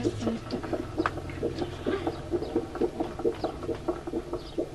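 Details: Rapid, regular swishing pulses from a fetal heart monitor, about 130 to 140 beats a minute, a normal fast fetal heart rate.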